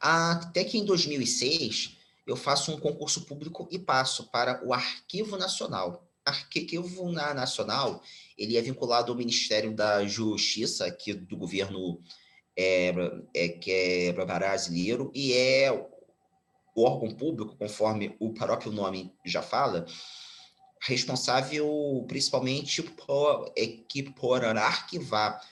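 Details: Stuttering, now mild after speech therapy, in a 34-year-old Brazilian Portuguese-speaking man, speaking spontaneously.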